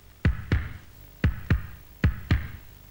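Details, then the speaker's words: Heart sounds heard through a stethoscope in a demonstration of what doctors hear: three pairs of low, regular lub-dub sounds, about 75 beats a minute, with no murmur mentioned for this recording. "இதை வச்சு கேட்டா லப்பு டப்பு லப்பு டப்பு லப்பு டப்புங்கறது வேற வேற sound இதயத்துல வந்து மறுமறல்லாம் ஏதாவது இருக்குமா"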